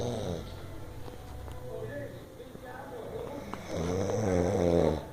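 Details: Man snoring: a loud rattling snore at the start and again at the end, with quieter breathing noise between.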